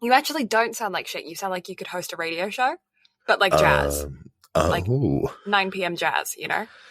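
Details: Adult speaker; Normal voice.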